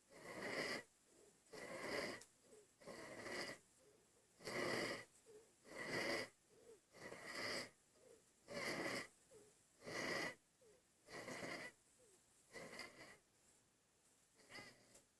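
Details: Infant (Andy) breathing hard: rapid, noisy breaths about 44 a minute, each harsh with a whistling edge; laboured breathing.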